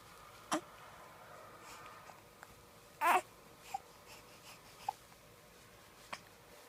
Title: Baby hiccups